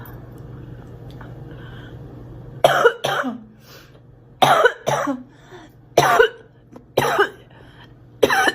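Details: Girl, acted (simulated) coughing: five bursts of coughing, several as double coughs, after a quiet start.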